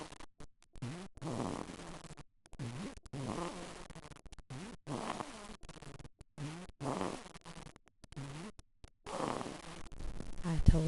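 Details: Loud, rough, low snoring on each breath in, about a dozen cycles a minute, from a sleeping baby boy; louder snoring than usual for an infant.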